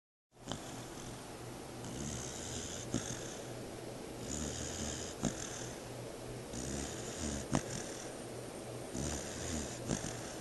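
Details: 4-month-old pit bull puppy sound asleep: steady, rhythmic snoring at about 24 breaths a minute, with faint clicks between breaths.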